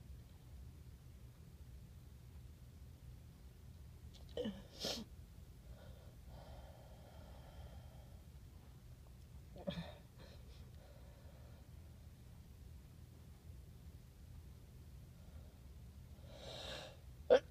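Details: A few soft, muffled sneezes with quiet breaths between, after taking a tiny amount of chhinkni powder to clear a stuffy nose; sneezing.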